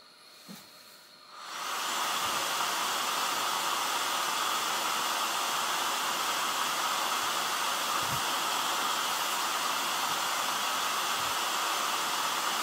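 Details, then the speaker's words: ResMed AirSense 11 CPAP running on an AllPowers S200 portable power bank, drawing about 60 watts: after a quiet second, a steady, even airy hiss of machine airflow starts up. "CPAP is pulling around 60 WTS technically this does work but you will only be able ble to operate the CPAP for around 90 minutes"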